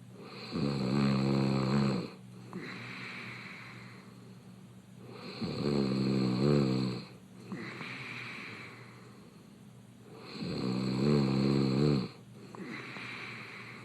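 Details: Adult male reality-show contestant snoring open-mouthed in bed: loud, rattling snores on each in-breath with softer airy out-breaths, about 13 breaths a minute.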